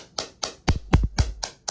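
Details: Sharp repeated snapping pulses, about six in under two seconds, some with a deep thud, from a shockwave therapy device on the left knee; ACL deficiency since a 2001 soccer injury, meniscus-area inflammation, with PEMF treatment.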